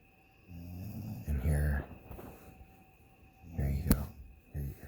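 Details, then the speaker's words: Sleeper snoring in a hotel room on vacation at 12:37 a.m., continuous "freight train" snoring that never stops: low rattling snores on inhaled breaths with a faint steady room hum. "No one can stop it. It's just a freight train of snoring."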